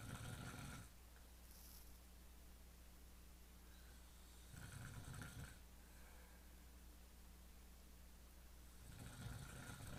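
Low rumbling snores recur about every four seconds over a steady room hum; ordinary snoring during sleep.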